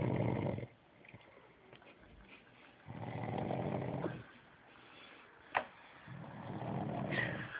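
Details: Male sleeper ("he's such a good boy") snoring: three low rumbling snores in a quiet room, repeating about every three seconds; plain snoring.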